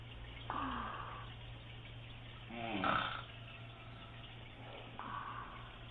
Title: Look at my mom , what is sleep apnea, how to stop snoring